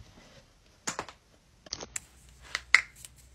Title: joint cracking compilation